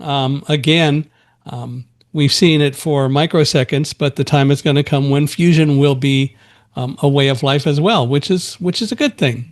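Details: Adult male speaker; typical speech.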